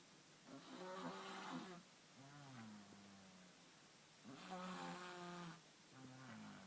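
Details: Snoring heard at night as an unfamiliar sound: two rough, rattling snores on breathing in, each followed by a softer whistling breath out, a cycle roughly every four seconds.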